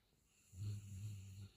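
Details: Golden retriever dog napping after a long walk: a single low, soft rumbling snore on a breath during sleep; gentle snoring.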